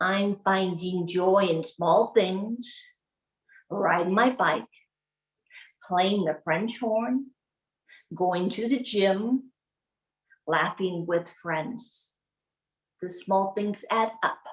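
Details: Adult woman with aphasia after a 2011 gunshot wound to the head, delivering a practised, memorised speech with her speech-language pathologist present; aphasia.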